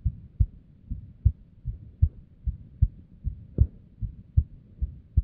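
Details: Female's unstable resting heartbeat with an arrhythmia and abnormal beats: low thumps about 76 a minute, unevenly spaced, with one louder early beat; an irregular heartbeat.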